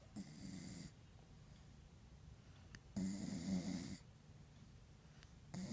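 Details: Rescue dog dreaming and snoring while asleep: repeated rough, buzzing snores about every three seconds, roughly 20 a minute; snoring.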